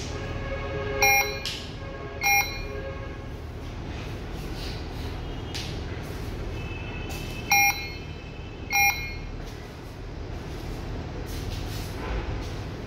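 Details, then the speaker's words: Four short electronic beeps in two pairs over quiet room hum as a Medtronic Puritan Bennett PB560 ventilator finishes calibration, indicating circuit in order with no leakage; normal device sound. "wow very good it has finished calibrating now that it has finished calibrating this shows that the circuit is in order the ventilator is in order and there's no leakage and it can be used on patients"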